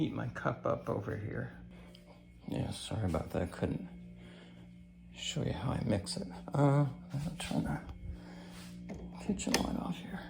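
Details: Adult man with cancer and a bile duct stent that his doctor says needs clearing more often; creaky, weak voice lacking strength, which he says is typically worse in the morning.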